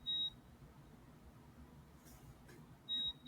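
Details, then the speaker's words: Two short, high electronic beeps about three seconds apart in a quiet room: an insulin pump alert, beeping repeatedly during recording. "Because this is like the fourth time my insulin pump has beeped since I've started recording."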